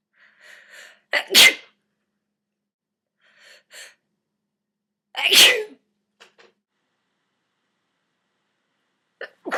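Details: Nighttime sneeze attack, partly stifled: two loud explosive sneezes each after quick catching inhalations, then a faint third sound; sneezing.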